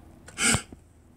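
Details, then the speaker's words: Demonstrated rapid fearful gasp in a behavioural breathing challenge (three gasps, then let go) testing whether breathing contributes to symptoms: a single sharp, noisy in-breath; simulated rapid gasping inhalation. "do the following practice take three rabbit fearful gasps like this and let go again"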